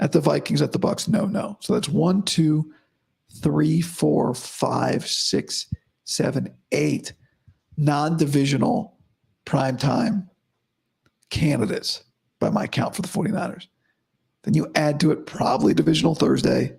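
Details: Adult man about five to five and a half weeks after vocal cord surgery, improving daily but unchanged today after heavy voice use and no sleep: dysphonia after vocal cord surgery.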